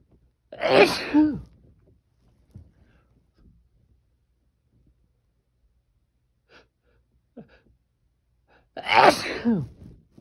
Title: These sneezes felt strong